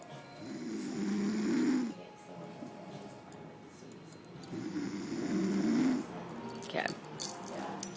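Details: Sleeping person who has passed out: two long, buzzing snores a few seconds apart, roughly 15 a minute, over faint room noise; ordinary snoring.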